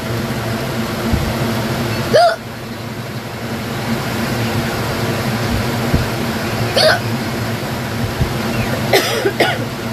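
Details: Sudden-onset real hiccups: three short, abrupt hiccup sounds about every few seconds over steady fan or engine noise.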